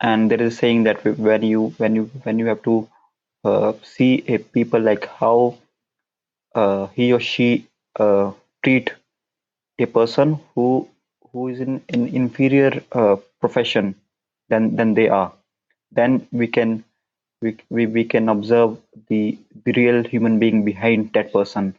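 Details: Stuttering (stammering) in a man whose stammer began at around nine years old and persists into adulthood.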